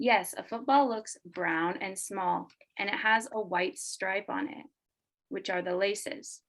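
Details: Adult woman speaking; normal fluent speech.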